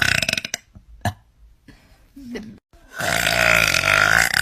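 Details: Girl's burping: several short burps near the start, then one long, loud, drawn-out burp at the end.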